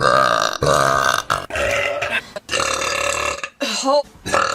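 Several long, loud voiced belches in a row, with brief pauses between them.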